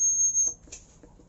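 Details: Brief high-pitched electronic beep, then faint room sounds, as a setting is changed on a combination physiotherapy unit (ultrasound therapy with 4-channel TENS) while the timer and intensity are set.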